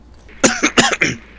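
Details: A short run of three quick, hacking coughs from a person coughing repeatedly while gaming who says they are coughing so much; repeated coughing.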